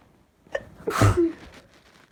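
A short indrawn breath, then one forceful, explosive adult sneeze.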